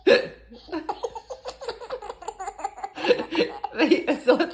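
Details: A baby boy laughs in bursts at an adult pretending to hiccup; sharp, abrupt catches in the breath that fit hiccups break the laughter; possible infant hiccups.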